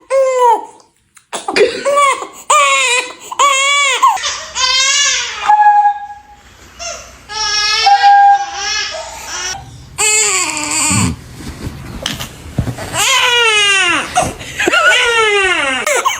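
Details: An infant cries in loud, rising and falling wails with brief gasping pauses between bursts: infant crying.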